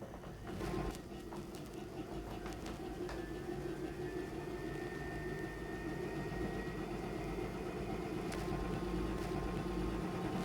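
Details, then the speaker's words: High-frequency chest wall oscillation vest running on a cystic fibrosis patient, Minnesota protocol fourth cycle, 18 Hz, pressure 5: steady rapid mechanical buzzing and rumbling. "so now we're going to move up to the fourth cycle so the hertz will go up to 18."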